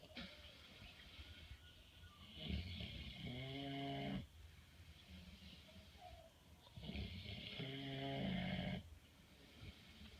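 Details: Pig in a barn in the evening: two long, rumbling snores on the in-breath, separated by quieter breathing, at roughly six to seven breaths a minute; snoring.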